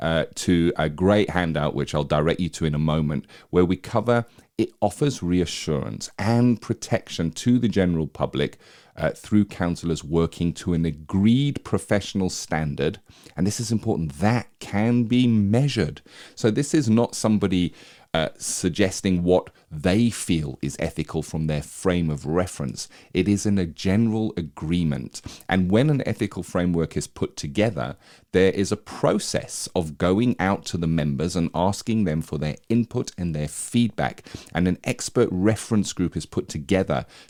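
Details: Adult male speaker; normal speech.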